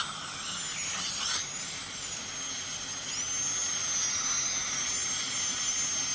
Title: Dental Scaling with the Dentist